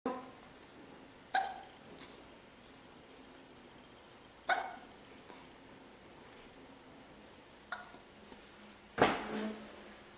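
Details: Bout of hiccups: four sudden short catching sounds several seconds apart in a quiet room, the last one louder.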